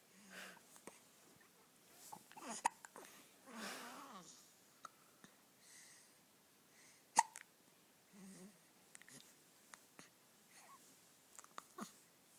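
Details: 4-day-old newborn boy's hiccups: sharp little hiccup clicks, roughly a dozen a minute, each followed by a soft grunt or whimper; ordinary newborn hiccups.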